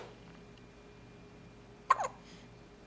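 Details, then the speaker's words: Hiccup in a 6-day-old baby boy: a single sudden 'hic' catch with a brief trailing breath against quiet room noise. "Oh, buddy. You got the hiccups. Oh, no. Poor guy. He's like, why are you filming me? I got the hiccups, for crying out loud."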